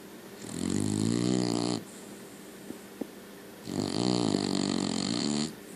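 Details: Sleeping puppy: two long, loud rattling snores about two seconds apart with quiet breathing between; dog snoring.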